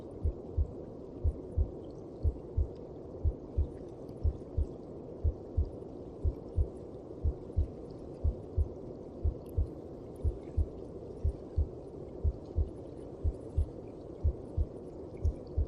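Steady, soft double thumps at about 60 beats a minute under a low, whooshing rumble. A mother's heartbeat as heard from inside the womb.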